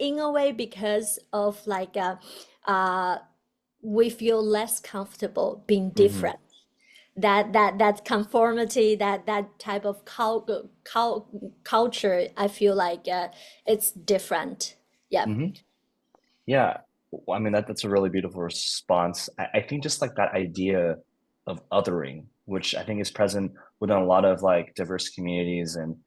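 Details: Adult woman, a doctoral student in communication sciences and disorders, who stutters; stuttering.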